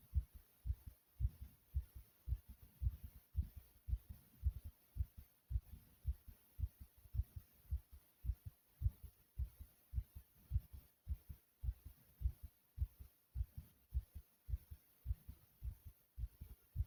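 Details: A person's own heartbeat, beating hard and loud: strong, rapid, regular low thumps at about 110 beats a minute; fast heartbeat (tachycardia).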